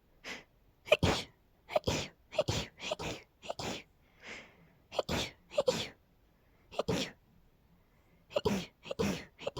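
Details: Rapid sneezing fit in a girl, who attributes it to pollen: about twenty short, sharp sneezes, often in quick pairs, with brief breaths between them.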